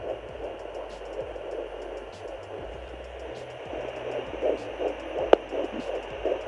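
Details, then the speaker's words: Fetal heartbeat at 11 weeks 2 days of pregnancy, recorded at home with a handheld Doppler: fast, rhythmic whooshing pulses. "i wanted i wanted to be able to check on my baby's heartbeat in between visits and i was able to hear the baby's heartbeat i will insert a clip um this was that like 11 weeks two days"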